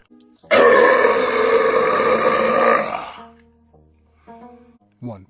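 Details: Burp after chugging Sprite Cranberry: a long, loud, rough voiced belch of about two and a half seconds, played backwards in an edited comedy remix.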